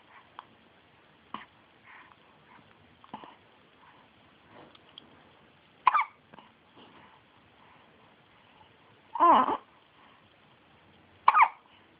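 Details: An infant boy gives brief, sharp hiccups at irregular intervals, three of them louder, in a quiet room; infant hiccups.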